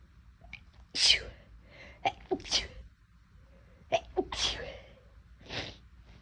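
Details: Several sharp, explosive sneezes in quick succession, each preceded by a brief catch of breath; induced sneezing in a person whose nose felt unusually sensitive and itchy that day.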